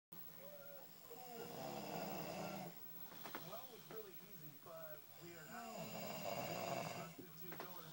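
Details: Loud, rough snoring from a sleeping male friend, with a rattling, vibrating quality on each breath and some squeaky tonal parts over faint room noise. Snoring.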